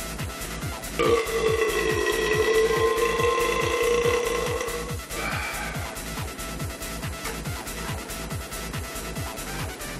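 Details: Burp from a drunk, stoned adult after a failed beer shotgun attempt: one long, deep, drawn-out burp of about four seconds, heard over loud electronic music.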